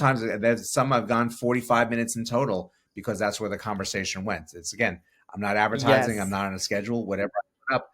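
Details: Adult man speaking; ordinary speech.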